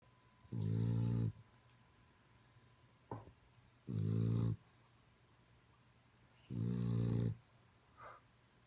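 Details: Boston terrier passed out asleep: three loud, low, buzzing snores about 2.5 seconds apart, each followed by a soft snort, in a quiet room; loud snoring.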